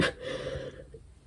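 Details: One abrupt, loud, harsh cough after a faint low hum and quiet, from a 17-year-old in the UK with COVID-19 whose symptoms began days earlier with a sore throat, recorded in the evening while studying.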